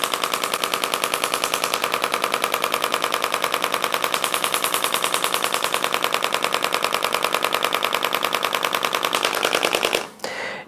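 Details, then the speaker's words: Compressed-air radial shockwave therapy device treating the quadriceps, a broad area, for tender spots: loud, rapid, very regular clattering bursts as compressed air drives the projectile. "you can hear how loud that is that's the air we that's the uh compressed air sending that projectile in and creating that Force there"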